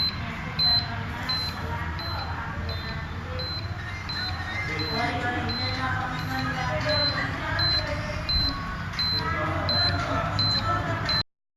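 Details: Carestream CS 2100 dental X-ray unit fault: repeated short high beeps from the buzzer, about 86 a minute, continuing after the exposure switch is pressed, with no exposure sound; cause found to be a loose power board to head jack connection.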